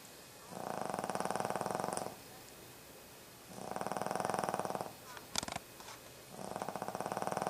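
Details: Dog snoring, recorded Oct 31, 2012: fluttering, buzzy snores repeating about every three seconds, with a short snuffle between them; snoring.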